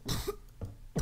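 Two short, dry cough bursts from a child, with a clearing quality, in a quiet room; coughing in asthma.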